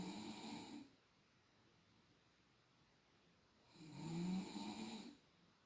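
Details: Adult woman snoring during sleep, measured with a sound level meter (roughly an extra 10 dB nightly): two rough, buzzing snores on the breath separated by quiet pauses; snoring.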